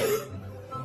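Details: Single short acted cough over steady background music during a comedic skit of a teacher's Zoom class; cough.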